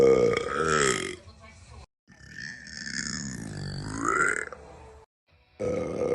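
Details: Long, loud, deep, voiced burps, drawn out and rumbling, with brief silences between them; burping.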